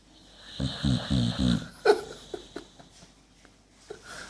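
Rapid rattling snorts on each breath, then softer snuffles; snoring in a short-nosed dog.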